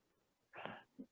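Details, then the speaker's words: Sleeping French Bulldog with a severe eye ulcer, snoring very loudly: a single loud, rough, rattling breath followed by a brief low snort: snoring. "snoring very loudly right now you probably hear the snoring that's okay that's all right yeah she's a french friendship so she she does that oh"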